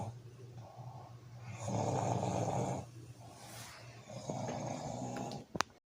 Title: My husband says he doesn’t snore!!🤣🤣